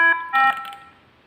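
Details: Two short electronic chime tones, the second fading away: a defibrillator alert tone, recorded during a nursing-exam demonstration of a defibrillator machine with paddles.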